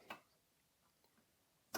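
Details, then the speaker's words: Evermed DYN 38S vintage high-voltage physiotherapy electrotherapy unit: two sharp relay clicks about 1.5 s apart in a quiet room as it switches pulses on and off; relay clicking. "as you can hear it's turning itself on and off my relay in like a one pulls per second"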